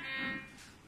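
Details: Medevo SPA112 infusion syringe pump during setup in body-weight mode: a brief, steady electronic tone, a normal confirmation beep while entering dose rate, patient weight and drug settings.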